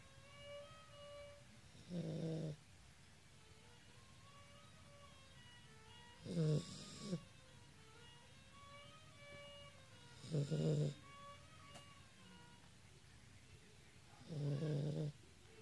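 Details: Siberian Husky puppy snoring while napping after running around the backyard: soft, low snores about every four seconds, roughly 14 a minute, with violin practice in the background.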